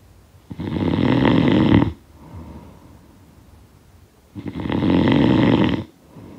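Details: Snoring sound effect of a sleeper: two long, loud, rattling snores a few seconds apart with quiet breathing out between; snoring.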